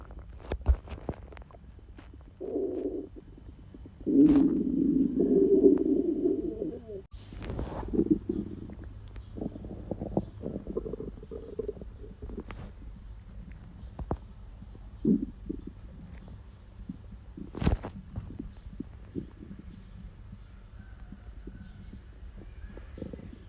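Loud, irregular low gurgling and rumbling bursts from the abdomen, typical of active bowel sounds during diarrhea.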